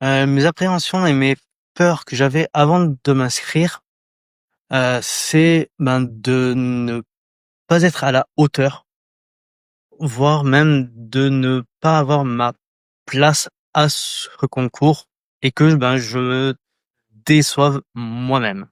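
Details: Adult French speaker, candidate in a 2024 eloquence contest for people who stutter or clutter, who refers to their own stutter: stuttering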